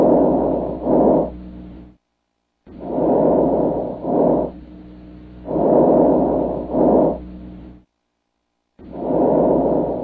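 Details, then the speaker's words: Diminished vesicular breath sounds, simulated NCLEX teaching example: soft, muffled breath cycles similar to normal vesicular but shorter inspiration and expiration, seeming more labored, no wheezing; possible causes include early pneumonia or mucus in lungs. "now did you notice the difference between a a normal vesicular breath sound and a diminished vesicular breath sound they basically sounded the same didn't they but the second sound was shorter there was no wheezing or anything like that but it seemed more labored"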